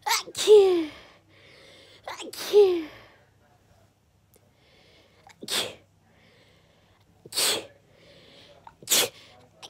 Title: Sneezing Fit